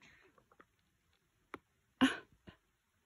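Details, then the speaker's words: Sneezing attack from a hiker on a mountain trail, at first mistaken for a mountain lion: several brief, distant explosive bursts, the middle one loudest. "it wasn't a mountain lion it was sneezing where is it he back sneezing hey buddy i just had a sneeze attack yeah you did we thought you were a mountain lion"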